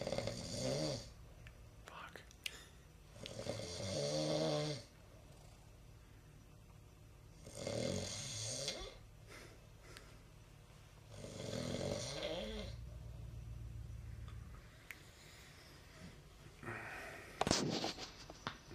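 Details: Heavy snoring during sleep: loud, rattling snores on each in-breath, some with a gurgling edge, repeating every few seconds.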